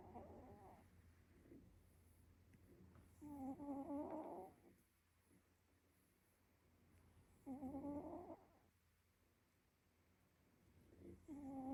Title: The cutest cat snores